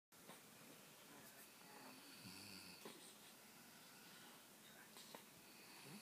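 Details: Snoring from a mother who is deeply asleep.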